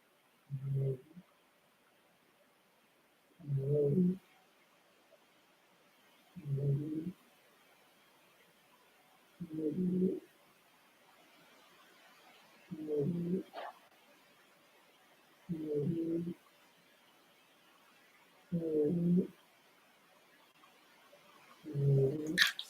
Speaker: if you can hear a strange sound in the background that's my cat snoring